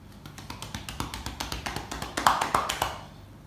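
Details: Chest percussion on an adult man's back during a student's chest physiotherapy demonstration; quick hollow clapping about three to four claps a second to loosen airway secretions.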